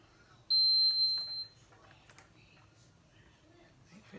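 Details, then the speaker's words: Infinity enteral feeding pump for a child's feeds, UK: one long, high electronic beep lasting about a second on switching on, then quiet room sounds; an enteral feeding pump start-up beep. "so get your infinity pump and plug it in as you would turn it on"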